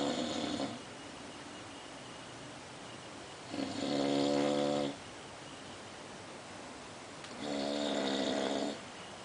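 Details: Slow, regular, buzzing snores on each in-breath with steady room hiss; a sleeping female dog snoring.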